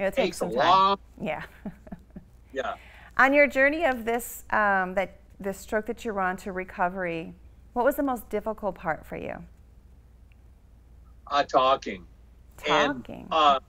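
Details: Adult woman asking a question, then a second adult answering briefly; speech.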